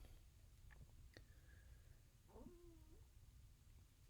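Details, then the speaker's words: Stomach growling (borborygmi) heard during a person's live card-game commentary: a brief squeaky, gurgling whine over low room rumble. "hope you guys did not hear that that was my stomach growling"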